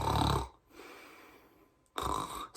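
Two loud, rough, low rattling bursts separated by a quiet pause, an adult imitating snoring with the mouth.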